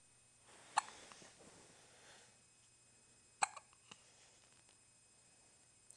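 Two sharp, brief hiccup clicks about three seconds apart in a quiet room, typical infant hiccups.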